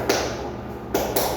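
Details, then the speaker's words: Imitated normal animal heartbeat in a veterinary explanation: short tapping lub-dub thumps without the whooshing that a murmur would add between beats. "Entonces uno oye el corazón y oye el latido del animal y suena así."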